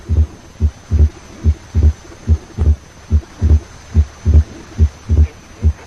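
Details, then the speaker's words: Loud P2 in pulmonary hypertension, heard over the pulmonary area: regular heart sounds at about 71 a minute with a split S2 whose later pulmonary component is louder than A2. "In pulmonary hypertension, P2 is accentuated. Note here that the second component of the split S2 is louder. P2 is louder than A2."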